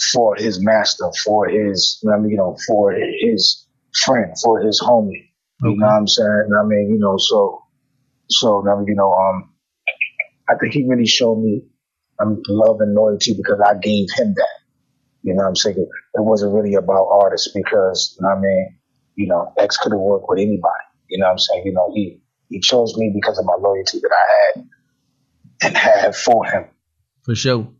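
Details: Adult male rapper with self-described bad stuttering running in both sides of his family (father, maternal grandfather); stuttering.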